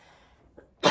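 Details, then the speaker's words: Cough from an adult with a cold (runny nose) while cooking, who says she gets sick easily; the cough recurs. "dengar ya guys aku batuk lagi aku gampang sakit guys"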